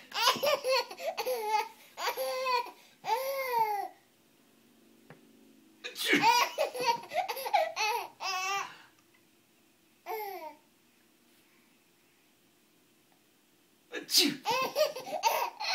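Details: A baby bursts into high-pitched laughter and babbling after two abrupt, sharp sneezes from Papa, with a quiet room between bursts.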